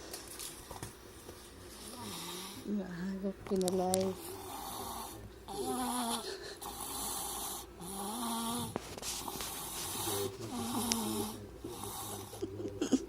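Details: Baby snoring; repeated soft, voiced snores with rising and falling pitch over steady room noise.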